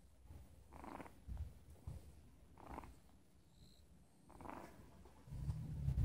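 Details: Stray kitten sleeping in a parking lot, snoring.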